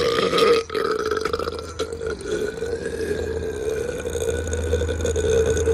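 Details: A man burping: one long, drawn-out rumbling burp lasting several seconds, with a brief break near the start.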